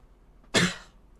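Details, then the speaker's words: Coughing while speaking, a cough jokingly blamed for feeling sick; cough. "Man, I'm coughing here. Criticizing Sanji is literally making me sick."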